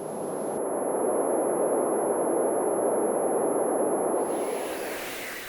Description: People with tinnitus talk about the noises they hear over electronic recreations of their tinnitus sounds such as buzzing and ringing in the.